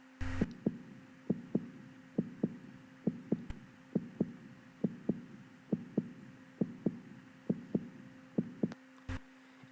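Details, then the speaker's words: Normal heart sounds: regular lub-dub at about 65 beats a minute with no extra sounds and a faint background hum, given as the sound of an undamaged heart. "on veut que son élan pour le bruit du coeur si il n'est pas endommagé il n'est pas endommagé il entend ce bruit"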